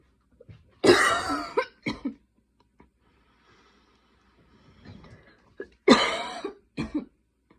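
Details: Night coughing fit at 12:30 am while unable to fall asleep: two bouts of harsh coughing, each a long forceful cough followed by shorter ones, with quiet breathing between.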